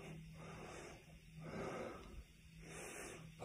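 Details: Laboured breathing in a COVID-19 patient speaking from a hospital bed: quick, noisy, rasping breaths between speech phrases.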